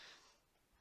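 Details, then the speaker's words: A dog sneezing in a quiet room: a brief, faint, sharp puff of air through the nose that fades quickly. "i'm sorry if you can hear my dog sneezing"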